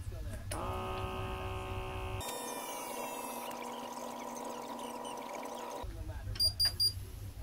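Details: Cheap Comtech ABP 1019 digital blood pressure monitor on an improvised power source, in an adult on daily maintenance medication reading about 130/90: motor buzz inflating the cuff, then quieter deflation and beeps as the reading finishes.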